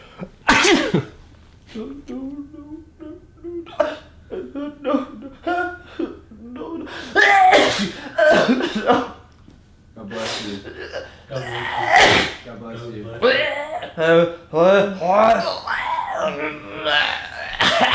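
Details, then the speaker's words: Several sharp, explosive bursts of air with voiced catches between, mixed with talk in a small room; repeated sneezes. "that was fake that was a fake sneeze"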